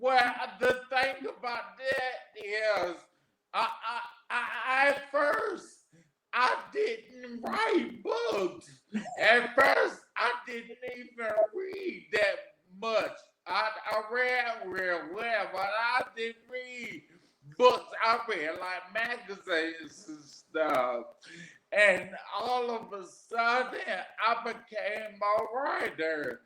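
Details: Adult man, 41, with aphasia after three strokes, the first at age 27 caused by an arteriovenous malformation; garbled paragrammatic speech; aphasia.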